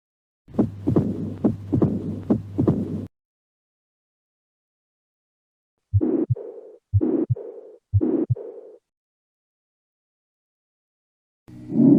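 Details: Heart sounds recorded from a real patient, as featured in an auscultation training app: rapid low heart thumps with a whooshing sound between them, then paired beats with a trailing murmur; abnormal heart sounds with murmur.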